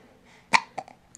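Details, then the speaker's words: A single sudden, abrupt hiccup followed by faint small breath sounds from a baby; ordinary, harmless infant hiccups. "did we get the hiccups when we were gonna make a video huh we're so silly"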